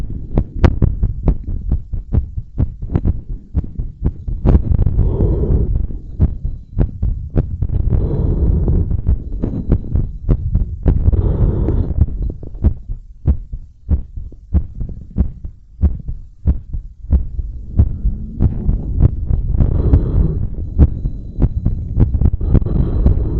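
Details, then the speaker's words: Heartbeat recorded through a device held by a stretchy belt around the chest after bouncing and balloon blowing: steady, sharp beats at about 95 a minute, normal sounds with a rate raised after exertion. "so that was five uninterrupted minutes of heartbeat"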